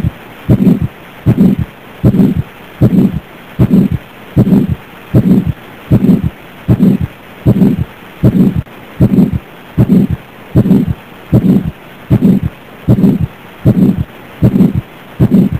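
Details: 82-year-old asymptomatic man with hypertension, hypercholesterolemia and type 2 diabetes, BP 140/95: regular heartbeat near 77/min with a harsh whooshing murmur filling each beat, heard at the aortic area; heart murmur.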